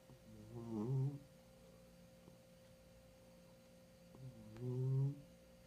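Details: 15-year-old cat snoring.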